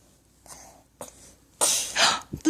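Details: Imitated sneezing by a 16-month-old toddler copying an adult, not a real sneeze: breathy hissing bursts ending in a loud noisy blast, with a parent saying "bless you."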